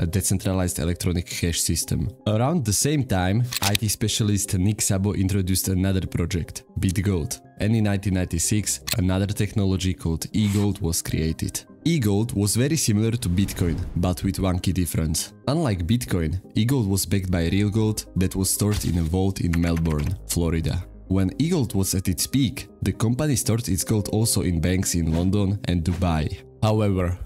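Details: Adult male narrator; normal speech.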